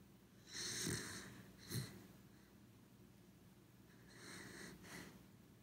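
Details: Corgi dog asleep, with quiet snorting snores on breathing in and softer breaths between; sleep snoring.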